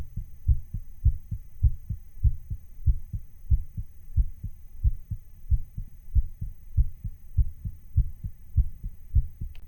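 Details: Own heartbeat recording, digitally sped up slightly to imitate a racing heart: steady, rapid low lub-dub thumps at about 100 beats a minute; fast heartbeat.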